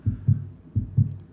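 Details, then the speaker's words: Normal first and second heart sounds played loudly for teaching: two clear lub-dub cycles of low thumps at about 85 beats a minute. "So heart sounds. You have to know what causes the heart sounds. What is called the lub-dub?"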